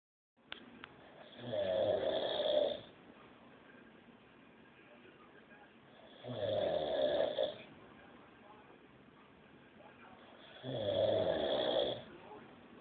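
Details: Adult man asleep on a couch, snoring loudly: rattling snores on each in-breath, about one every four to five seconds, with quiet pauses between; ordinary heavy snoring.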